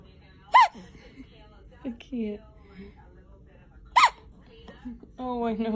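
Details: Baby girl with hiccups: two sharp squeaky hiccups about three seconds apart, soft baby sounds between, adult voice at the end.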